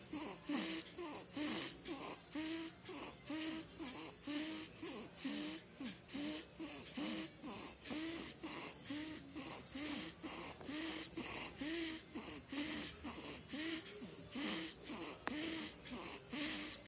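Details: Regular snorting, whistling noisy breaths at about 65 a minute from a sleeping newborn in a postnatal care centre nursing room; newborn snoring.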